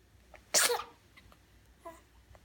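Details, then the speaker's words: One loud, explosive sneeze followed by a softer sound, then a quiet room: a single sneeze. "You get more sneezes?"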